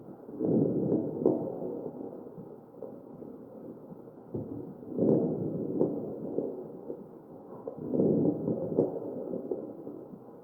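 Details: Real patient on a ventilator, recorded with an electronic stethoscope on the chest: three ventilator breaths in ten seconds, about 17 a minute, with coarse rough crackling through each breath; crackles.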